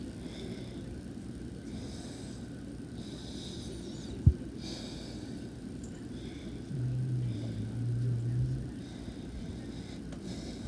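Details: Pet asleep, snoring softly: quiet, breathy snores recurring every second or two; snoring.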